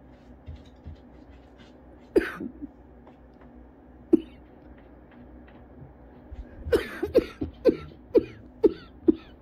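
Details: Adult with cough variant asthma coughing after a cold outdoor run, after using inhaler, lightheaded, earlier coughed to vomiting: persistent coughing fit.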